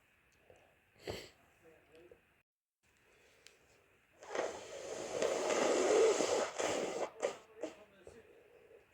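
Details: A few short breathy sounds, then a long noisy burst with blowing and sniffing, from a person with a cold: sneeze with nose blowing.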